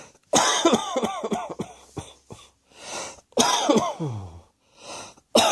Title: Cross Dressing Coughing 86